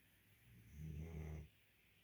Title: Snoring guardian dog